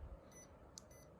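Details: High electronic beeps from an automatic wrist blood pressure monitor (CK-102S), run in manual mode, signal that the measurement is finished.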